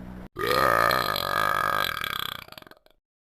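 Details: One long, loud, rumbling belch lasting about two seconds and fading in a rattle, a sound said to make the chickens mad; burping.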